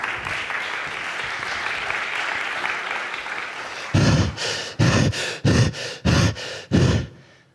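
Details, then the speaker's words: Loud, rapid, heavy gasping breaths, about six forceful breaths in three seconds, played after crowd noise at a startup pitch as the sound of an acute lung failure patient fighting to breathe; laboured breathing. "this is not just me being nervous or hyperventilating unfortunately it is far more serious it is the sound of one of the Six Million lung failure patients fighting for their lives each year"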